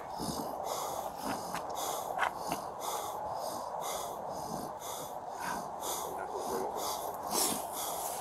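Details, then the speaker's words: Man with cerebral palsy lying in the recovery position after a forcible arrest, complaining of difficulty breathing and chest pain: rapid, noisy, effortful breaths with snorting and wheezy sounds outdoors; laboured breathing. "just for no subjects complaining of hardship to breathe chest pains he's in the recovery position keep breathing keep breathing buddy"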